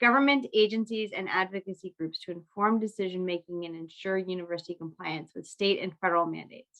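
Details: Adult woman speaking; normal speech.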